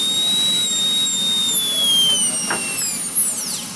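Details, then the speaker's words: High-pitched whine of a high-speed dental burr winding down while excess material is trimmed from a provisional crown toward its finish line. "right now I still have a lot of extra material you'll notice that my Finish Line Is Right located right along here I'm going to position my"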